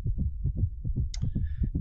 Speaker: Okay, here's another heartbeat, and this one is a little faster, but sounds similar. That's a cat. That is a cat heartbeat.